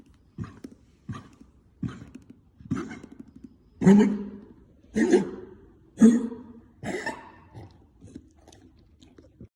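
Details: Dog coughs in a series of about nine short, harsh bursts, louder in the middle of the run.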